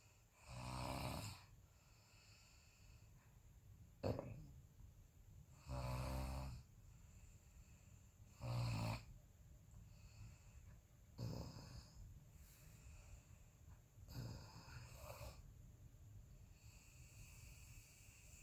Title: Me Snoring